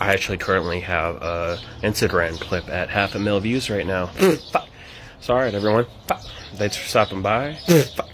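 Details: Adult man with Tourette syndrome, with vocal tics occurring between sentences; vocal tics (Tourette syndrome).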